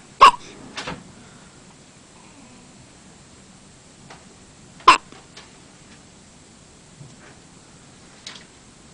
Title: Hiccups 2